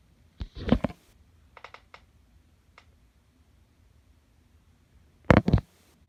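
Two bursts of wet sneezing separated by a few seconds of near quiet with faint small clicks.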